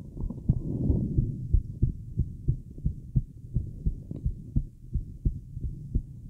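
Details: Woman's fast heartbeat heard through a Littmann stethoscope with a mobile mic, while relaxing and smoking: steady dull beats at roughly 90 a minute, with a low hum behind.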